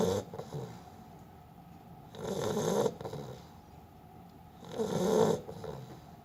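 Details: Pongo, a sleeping Beagle, snoring: rhythmic rough rattling snores about 23 a minute with quiet gaps between; ordinary canine snoring.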